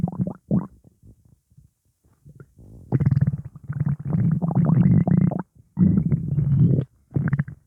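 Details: Low, gurgling rumbles and bubbling growls in long stretches with short pauses; upset stomach rumbling, which the person attributes to gas after eating pizza; borborygmi.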